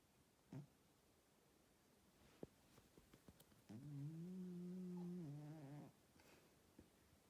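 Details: Old male cat sleeping, snoring loudly: one long, droning, buzzy breath sound of about two seconds with faint shorter breath noises around it.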